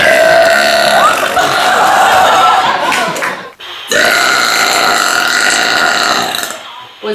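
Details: Woman (Jodie) burping in the dark: two long, loud, drawn-out belches separated by a brief pause; ordinary burping.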